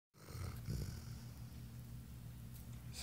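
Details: Dog snoring in a sedated 'twilight' sleep before euthanasia, after a drug he can still hear, see and feel under: continuous low rumbling, rattling breath noise, snoring as not heard in a long time.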